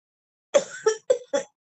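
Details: Severe cough that brings up no phlegm, with frequent joint pains after hospital treatment: a run of four short, harsh coughs with no rattle, a dry, unproductive cough.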